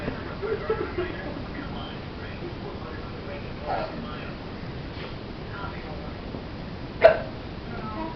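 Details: Giggling at his mother's hiccups; room noise with faint soft sounds and a single sharp hiccup near the end; hiccups.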